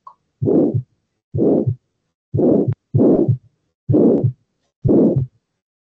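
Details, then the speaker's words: Heart sounds about 63 a minute with a loud rushing murmur between the first and second sounds: systolic murmur, played in a valvular disease lecture right after discussing aortic stenosis. "Ah, y acá podemos escuchar el soplón sistólico."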